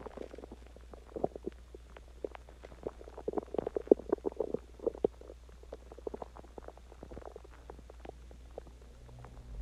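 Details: Person's stomach growling after eating Chinese food and drinking water; irregular gurgling, bubbling and squeaking over a low steady hum, ordinary borborygmi.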